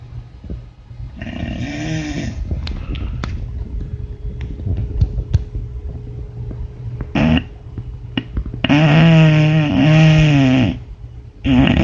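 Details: A sleeping dog gives heavy, rumbling snores with snorting and clicking noises between them; loud snoring that the owner jokes needs a CPAP.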